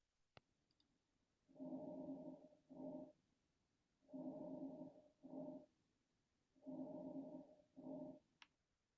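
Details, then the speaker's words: Normal vesicular breath sounds heard over the usual peripheral anterior and posterior chest sites, from air moving in terminal bronchioles and alveoli: soft, low breathing with a long inspiration and a shorter expiration. "vesicular you normally hear vesicular breath sounds in these locations your normal oscilation locations right anterior chest posterior chest uh in the more peripheral areas where you're listening"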